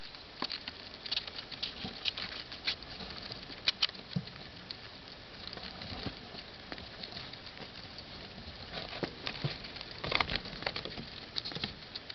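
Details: Pet rats, newly acquired and all sick, sneezing constantly: frequent tiny sharp clicks and puffs among soft rustling; the owner later found they were allergic to most bedding.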